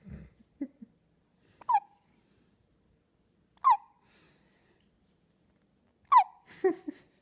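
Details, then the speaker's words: Three short, sharp catching sounds about two seconds apart from a baby girl, each a brief squeak of voice likened to a squeak toy; typical infant hiccups. "Do you have the hiccups? Do you have the hiccups? You got hiccups? You poor thing."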